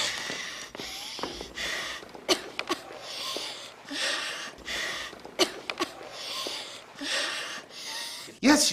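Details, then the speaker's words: Acted scene of an asthma attack in a child who did not bring an inhaler to school after playing a game: repeated harsh, effortful gasping breaths, about 19 a minute, with room noise. "having an asthma attack is it bad yes I think so I'll call 911"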